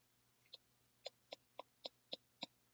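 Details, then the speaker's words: Person with Tourette's: seven short, sharp throat clicks in a quick, fairly even series, a throat-clicking vocal tic recognized as recurring from grade school. "tic in my throat, and when I did that, I was like, “that’s not actually… that’s not a new tic, I recognize this tic."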